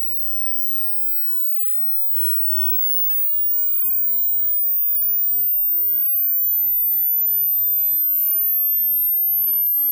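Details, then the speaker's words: Hearing test tone sweep that starts at a very high pitch: a very high-pitched test tone fades in and slowly glides downward, with soft low thumping underneath. "มันจะเริ่มต้นจากระดับเสียงที่สูงมากเรามาดูกันว่าคุณจะได้ยินเสียงไหนก่อนและคุณจะได้ยินเสียงไหน"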